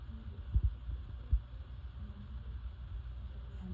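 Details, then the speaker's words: Faint low thumps over a quiet rumble with no swishing, heard by a student physical therapist auscultating both renal arteries: no bruit, a normal finding. "And then I would move to the renal arteries. On both sides."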